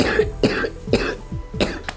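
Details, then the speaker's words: Productive cough in a hospitalized patient with cystic fibrosis, heard right after about 30 minutes of chest physiotherapy in different positions to loosen lung mucus: four harsh, wet, loose, mucus-laden coughs in about two seconds. "basically a physical therapist beats on my chest in different positions for like 30 minutes and then I cough a bunch"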